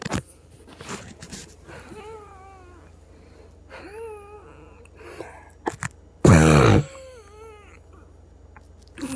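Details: A sister with Down syndrome wheezes: several high, musical, wavering whistles with breaths, plus one loud harsh burst like a cough.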